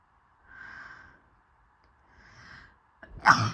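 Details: Two soft, rising in-breaths then one sudden, forceful explosive burst from a woman who reports her chest hurts when sneezing in hot weather: a sneeze.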